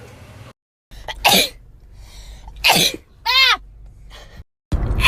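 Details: Two loud, explosive, uncovered natural sneezes, each a sharp burst of air, followed by a brief voiced sound: sneezing.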